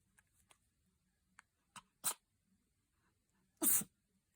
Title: Lucy sneezes & vigorously washes her face (from 2023)